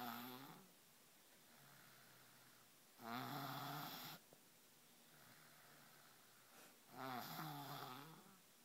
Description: Unbelievable...... A 3 years old can snore this loud